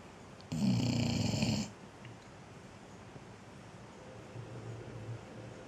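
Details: Snoring, owner suggests from being hot: one loud, rattling snore lasting about a second, then quieter soft breathing in a small room.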